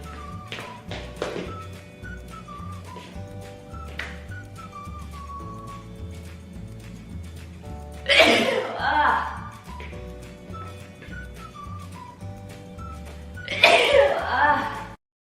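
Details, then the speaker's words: Two loud noisy bursts over steady background music from a woman who says she has bad allergies. Sneezing. "Sneeze. Oh, I have bad allergies here. I don't know why."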